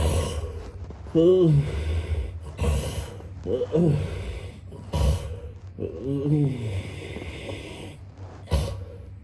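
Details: Sound-effect recording of a man snoring: irregular snorts and groaning, voiced snores, some with rising pitch, over a steady low hum; snoring.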